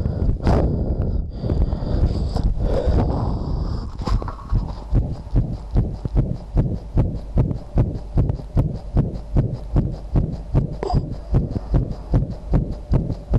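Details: Person's own heartbeat, visible and audible in an old low-quality recording; the poster felt their heart was about to stop. Regular low thumps at roughly 75 per minute after a noisy start; a heartbeat.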